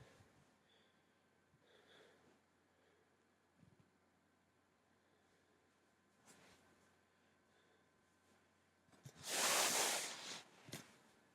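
Quiet room with faint breathing, then one loud explosive sneeze burst near the end, followed by a brief snort.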